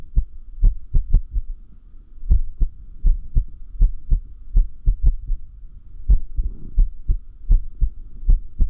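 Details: Low heart thumps at uneven intervals with sudden pauses between clusters of beats: irregular heartbeat (arrhythmia); arrhythmia is said to increase with lack of sleep.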